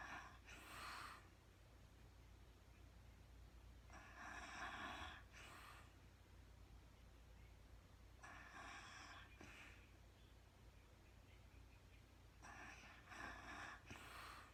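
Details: Rhythmic snoring breaths about every four seconds over a steady low room hum from a woman sleeping in real time after being super tired; ordinary snoring in sleep.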